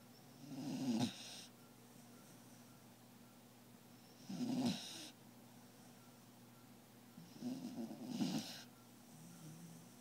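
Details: Snoring in a sleeping female beagle: soft snorting snores about every three to four seconds, roughly 16 to 18 a minute, often sounding human-like; owner wonders if she is dreaming.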